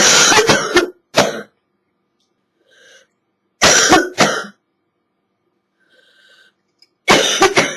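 Three clusters of harsh, hacking coughs in quick bursts with quiet gaps; a wet cough from a chest cold.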